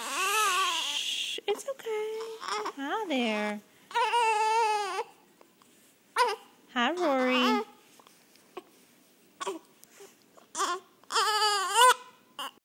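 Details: Infant boy with hiccups, waiting for lunch: intermittent fussy cries and whimpers with pauses between; an ordinary baby's cry.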